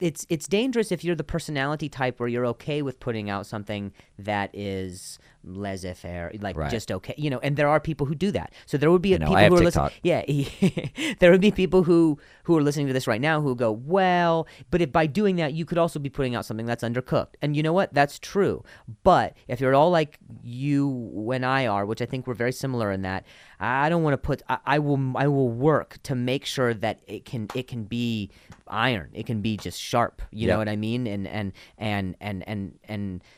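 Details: Adult male comedian who stutters and links his stutter to an injury; real speech with repetitions of words and phrases; stuttering.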